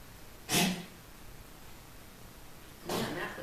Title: Foxy's cough